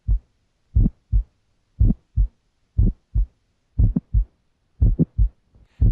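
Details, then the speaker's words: Regular low heart sounds near 60 a minute with a brief click just after S1 in some beats. The aortic click is less sharp, best in the aortic area, and equally loud in inspiration and expiration; aortic ejection click. "an aortic click is less sharp is heard best in the aortic area and is equally loud during inspiration and"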